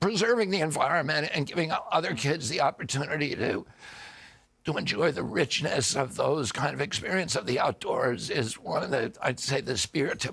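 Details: Spasmodic dysphonia (he calls it spasmodic dystonia) in an adult man: neurological, onset at 42 after a 1996 injury, vocal cords tighten constantly, not a tissue injury; Kyoto surgery about eight months earlier improved reliability; now on alternative therapies.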